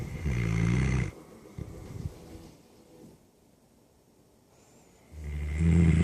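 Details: Sleeping dog (pup) snoring: deep, rumbling snores said to sound like an old man's, two loud snores separated by quiet breathing.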